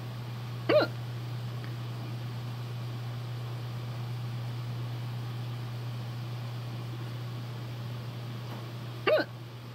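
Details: A person hiccups for the first time in a long while as their cat hears hiccups for the first time: two abrupt voiced hiccups about eight seconds apart over a steady low hum; hiccups.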